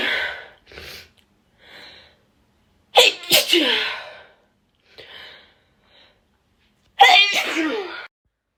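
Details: Sneezing: two forceful sneezes, each preceded by short catching in-breaths, with quieter sniffs between them.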